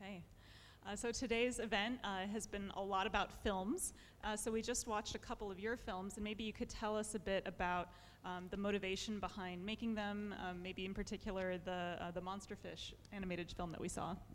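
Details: Adult woman speaking; normal voice.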